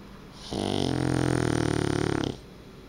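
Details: Dog snoring: a loud, rattling snore on one breath lasting about two seconds.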